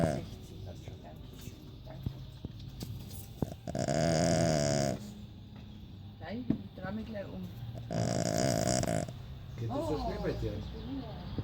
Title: SO FUNNY SNORING DOG ON HOT SATURDAY AFTERNOON